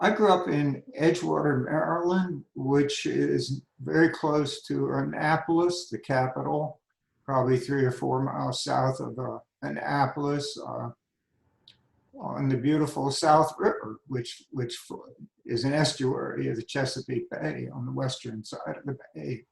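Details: Adult man with spasmodic dysphonia diagnosed at age 51, managed without Botox through practice and workarounds; talking is tiring and some words take much effort.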